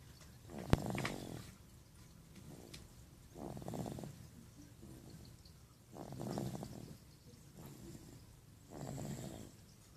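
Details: Soft, rhythmic snuffling snores, about four breaths in ten seconds, from a sleeper in a quiet room; the owner remarks everyone has had a bit of the sniffles.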